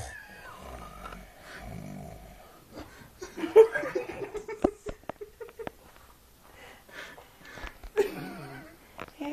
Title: The loudest most epic snore i've ever recorded